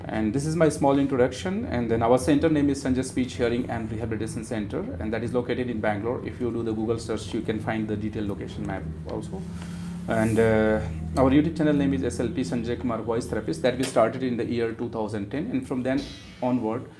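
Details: Adult man speaking; typical adult male voice.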